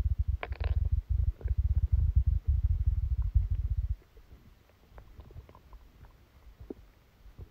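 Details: Abdominal sounds recorded during a stomachache after Christmas dinner while the person slept: low gurgling rumbles for about four seconds, then quiet; active bowel sounds.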